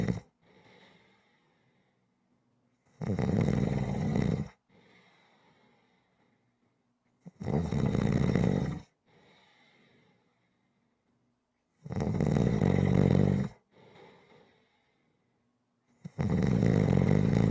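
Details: Rhythmic ordinary snoring for relaxation audio: regular loud, harsh snores about every four seconds, each followed by a soft breath out, near 14 breaths a minute.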